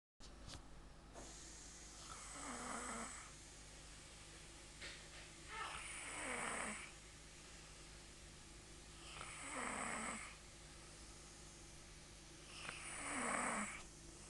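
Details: Female heard loudly snoring at bedtime: harsh, rasping snores about every 3.5 seconds, roughly 17 a minute, over steady room hum.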